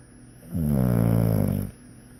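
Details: Snoring: a single loud, low, rattling snore lasting about a second, rising sharply and stopping abruptly, over quiet room noise.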